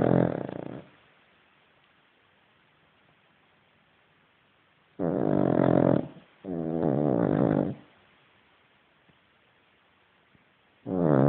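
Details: Sleeping Cavalier dog: loud, rattling, growl-like snores on the breaths, separated by silent pauses of several seconds; snoring.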